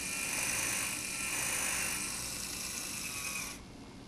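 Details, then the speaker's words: Dental implant osteotomy to 13 mm depth using a green-coded 4.5 mm twist drill: a steady high-pitched whine for about 3.5 seconds, then stopping. "the next one will be the 3.8 mm twist drill colorcoded blue again we do not have are not using a drill stopper for this diameter so we will be careful to insert it to the correct marking on the drill"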